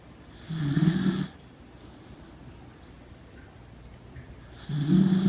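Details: A female Corgi asleep and tired after a big day at the dog park: two loud, low rattling snores about four seconds apart over room hiss; loud dog snoring.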